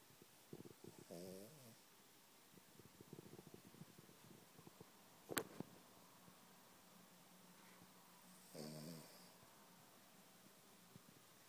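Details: Male Cavalier King Charles spaniel asleep and dreaming: soft, irregular snorting snores with small twitching noises in between; snoring during sleep.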